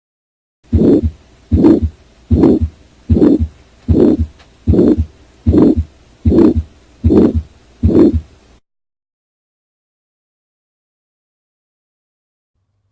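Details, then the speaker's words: Regular heartbeat about 76 a minute with a harsh diamond-shaped crescendo-decrescendo systolic murmur between clear S1 and S2, from a teaching tape of aortic stenosis heard as the second murmur. "the second murmur is love diamond shaped Crescendo de Crescendo dub"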